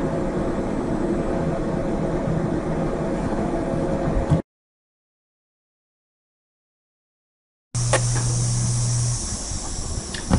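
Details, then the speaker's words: Recording of the NCA 200 air caloric irrigator running with airflow off, microphone in the same spot as for the comparison: steady mechanical hum and rumble with a gap of silence in the middle; caloric irrigator noise. "This is the sound of the NCA 200 with airflow off."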